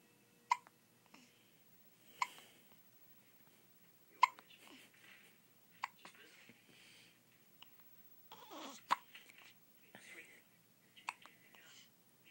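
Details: Baby daughter with hiccups, which she gets after every feeding: sharp, sudden gulping clicks about 16 times a minute, slightly irregular, in a quiet room.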